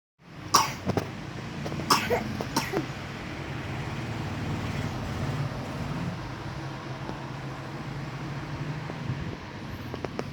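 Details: Child coughing continuously, being given food and medicine: a few short coughs early on, then steady outdoor traffic rumble; a plain cough.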